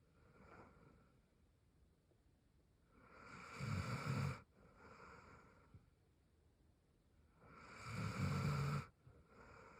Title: She snores while half asleep